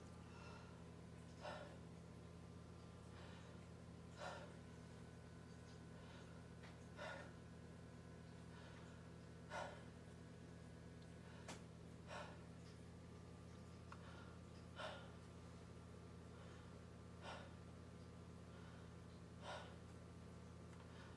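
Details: Normal breath sounds heard by stethoscope over a male patient's back during a physical examination as he takes deep breaths through his mouth: regular brief airy rushes with no wheeze or crackles over a steady low room hum.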